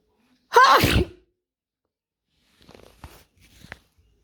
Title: Wide Nose Sneezes Africa.